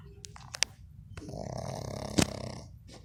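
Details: Sleeping pug: snorting, rattling breaths with a longer snore and sharp snuffles; noisy snoring.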